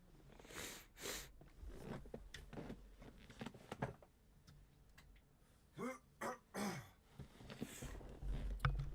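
An adult man clears his throat repeatedly and snorts, a recurring daily cough habit that is worsening.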